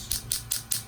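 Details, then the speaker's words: Four sharp, evenly spaced clicking pulses, about five per second, from a low-level shockwave therapy device treating a partial tendon tear with degeneration on the side of the right ankle. "I also recommended several sessions of low-level shockwave therapy which is exactly what we're doing today"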